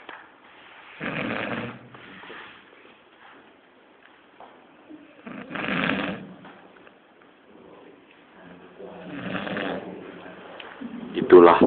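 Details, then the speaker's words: Man snoring, likened to a pig: loud, rough, rattling snores about every four seconds, some with snorting. Heavy snoring. "penampakan babi lagi ngorok."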